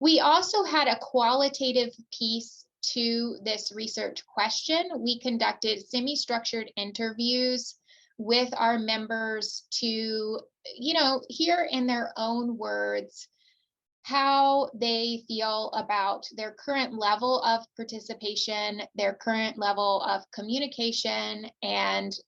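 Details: Adult woman; typical speech.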